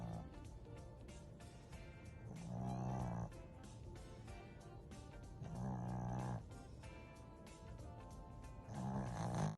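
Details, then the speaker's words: Dog just discharged from hospital, asleep in the same position for nearly two minutes, with a low rumbling snore on each breath about every three to four seconds under background music: snoring. "Have a good sleep, honey. So snoring. In the same position nearly 2 minutes."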